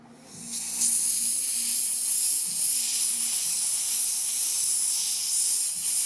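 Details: Air-Flow air-polishing demonstration removing stubborn tea stains from a mug with water, compressed air and fine powder; loud steady hiss of the spraying jet.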